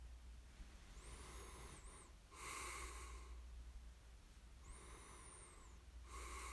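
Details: Snoring during sleep: two slow breath cycles with a rough, noisy snoring breath and a soft whistle on the in-breath, over steady low room hum.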